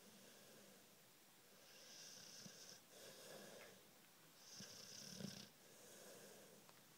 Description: My full bred bluenose snoring